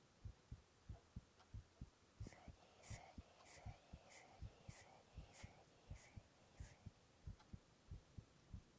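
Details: A young male's heartbeat recorded while he whispers onomatopoeia: normal heart sounds.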